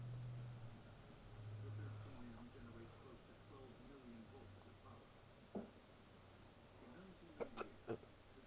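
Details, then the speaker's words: Persistent hiccups on the second consecutive day: faint background sounds, then about four abrupt, short hiccup jolts in the last few seconds. "It's 2 days in a row I've had hiccups. Sucks."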